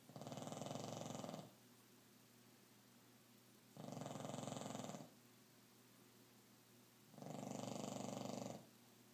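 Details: Female dog in deep sleep, snoring enough to wake owner around 3-4am: loud, rough, rattling snores on each breath, three in about nine seconds, with quiet gaps between.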